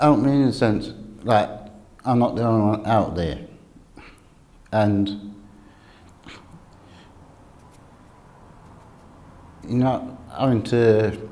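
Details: Adult male speaker; stuttering.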